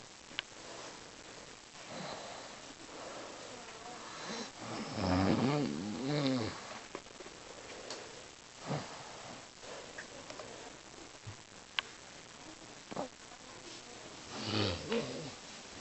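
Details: Pet dog snoring while asleep: irregular rough snoring breaths with snuffly sounds, over background room noise.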